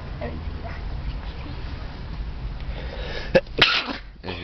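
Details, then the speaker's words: Deliberately self-induced sneeze after repeated attempts: quiet room noise, then a sharp inhaled catch and an explosive sneeze burst. "That's how you sneeze."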